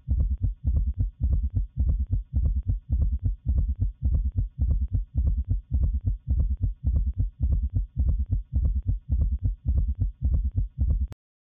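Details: Teaching recording: regular rapid rhythm near 107 per minute with a loud extra low-pitched diastolic sound forming a galloping triple cadence, summation gallop.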